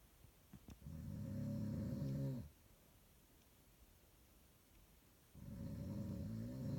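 Two long, deep, rumbling snores with a quiet pause between them; loud snoring.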